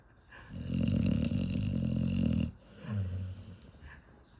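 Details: Sleeping Pit Bull dog snoring: a long, loud rattling snore on the in-breath, then a shorter, softer snorting sound on the out-breath; snoring, not a wheeze.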